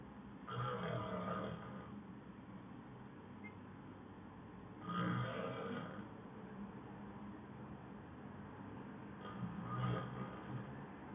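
Low rattling snores recur about every four to five seconds, roughly 14 a minute, over steady background hiss.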